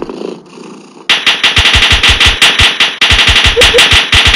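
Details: Rapid, repetitive staccato bursts of voice, about two to three per second, made by the person having the seizure; vocalization during a seizure.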